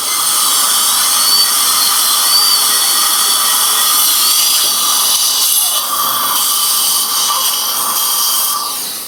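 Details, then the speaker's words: Continuous high-pitched whine of a dental drill with slight pitch shifts as it cuts away an old crown from a male patient's tooth before CEREC crown preparation. "So we're gonna, first thing we need to do is take that old crown off of that. So we're just gonna start doing that before we do anything else."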